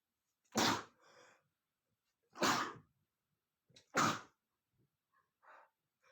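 Three forceful explosive sneezes in a few seconds, with softer breath sounds between them.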